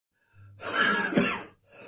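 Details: A single harsh, rough, chesty cough lasting about a second, followed by an in-breath, from a person with bronchitis on Christmas morning.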